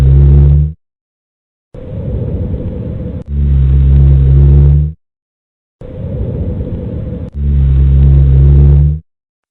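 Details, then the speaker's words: Rhonchi: low-pitched, snoring, rumbling sounds through both inspiration and expiration. "are listening to Ronka."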